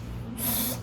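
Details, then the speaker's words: Vocal imitation of an aspirative heart murmur: a brief, soft, breathy hiss like air drawn in, over faint room hum, from a lecture on the cardiac cycle; murmurs described as turbulent flow through stenosed, insufficient or abnormal openings. "Y entonces se va a escuchar un sonido y eso se conocemos como soplo y puede ser aspirativo sí escucharon que alguno como que se escucha"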